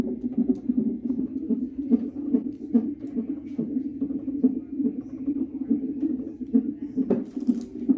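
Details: Fetal heartbeat on a monitor during a non-stress test at 34 weeks 5 days of pregnancy: rapid, rhythmic whooshing thumps at about 145 beats a minute, within the usual fetal range.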